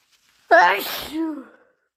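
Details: Induced sneeze: one loud, harsh, wet sneeze with a voiced catch and a trailing voiced release, amid repeated sneezes, sniffles and nose blows.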